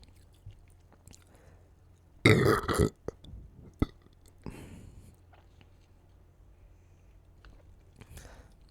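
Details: One loud, deep, rumbling burp followed by a few small mouth and throat noises in a quiet room; belching.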